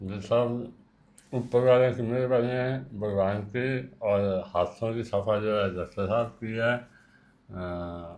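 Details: Articulation impairment in a man, a retired lecturer, about two hours after surgery for stage one tongue cancer: partial glossectomy (almost hemiglossectomy) with local tissue reconstruction and neck dissection; surgeon attributes it to swelling and injections and expects normal speech by next day.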